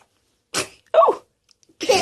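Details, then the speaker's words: Infant sneezing: small, quick bursts of air with a short voiced catch, tiny baby sneezes. "Oh, bless you. Bless you. He's sneezing. Achoo! Did you sneeze?"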